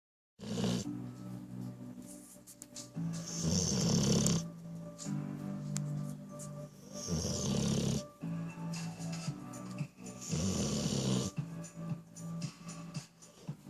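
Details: Male dog snoring while awake: repeated rough, snorting, snore-like breaths in a slow cycle, heard over background music.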